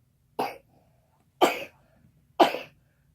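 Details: Three short, dry single coughs about a second apart in a quiet room, from a girl in a sisters' video tagged sick.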